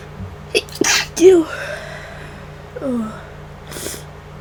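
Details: Quick breathy catches build to a forceful, deliberately induced sneeze burst, then voiced exhalations; person sick about five days and worsening, with new nasal congestion, unsure whether it is the flu.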